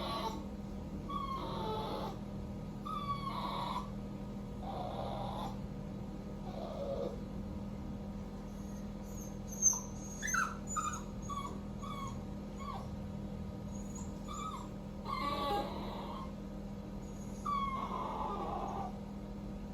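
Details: A 3-month-old male Cockapoo puppy makes repeated high, thin whines and short yelps over steady room hum. He cries when left alone while his owner bathes: typical separation distress.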